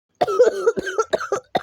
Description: I was recording a voice line for Viacom and I accidentally coughed while recording